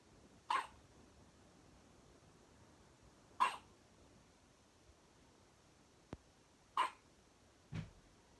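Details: A 5 lb 1 oz newborn's first hiccups while sleeping: soft, brief hiccups, four in about eight seconds at uneven intervals, in a quiet room.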